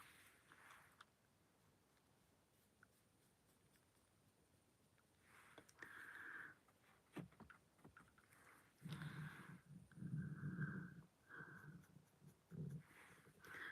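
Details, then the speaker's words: Stomach growling from hunger (borborygmi) during a makeup tutorial: low, bubbling gurgles and rumbles in a quiet room. "Sorry if you can hear my stomach growling. I'm a bit hungry today."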